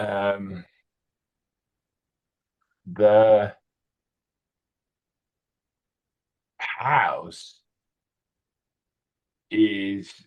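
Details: 65-year-old male with Broca's aphasia in a real tele speech therapy session on word retrieval; non-fluent, effortful speech with word-finding difficulty, hesitations and repetitions; Broca's aphasia.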